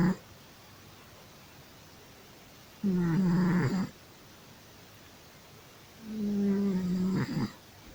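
Two drawn-out, rumbling breaths in a quiet room, each about a second long: a cat snoring in its sleep.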